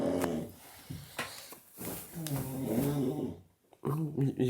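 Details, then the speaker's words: Friend snoring heavily at about 3 a.m., ongoing for about 1.5 hours: loud, rough, rumbling snores with voiced, groaning breaths in a small room. "блядь, не храпи, ти заїбав."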